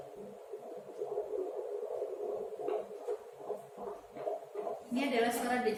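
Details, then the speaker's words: Fetal heart sounds during a midwifery head-to-toe antenatal exam of a pregnant woman, counted over a full minute for rhythm and rate: rapid, soft, rhythmic whooshing pulses at 142 beats per minute. "jatuh janin ya kita dengarkan selama atau menit penuh untuk mengukur denyut jantung janin ingin mendengarkan iramanya kemudian frekuensinya sudah selesai 142"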